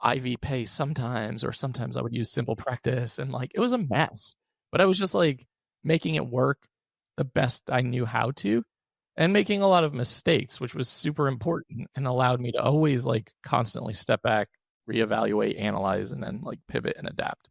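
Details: Adult male with vocal fry from unilateral vocal cord paralysis after open throat surgery in 2022 for a rare chronic recurring throat condition, following endoscopic surgery in 2021; voice improved but tires during the day; had extensive speech therapy.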